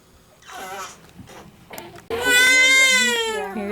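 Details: Soft fussing, then a sudden loud, sustained high-pitched wail from one of premature triplets receiving KST chiropractic adjustments in the room; ordinary infant cry.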